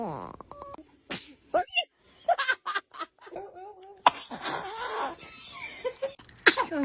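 Several short, high-pitched bursts from a baby with adult voices nearby: infant sneezes.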